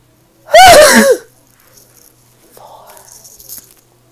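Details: Deliberately self-induced sneeze recorded as ASMR: one loud sneeze with a rising voiced burst, then quiet rustling and breathing; sneeze.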